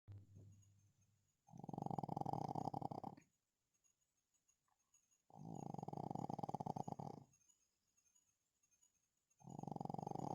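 Loud rattling snores on each breath in, about 15 breaths a minute, with quiet pauses between: snoring in a sleeping pug.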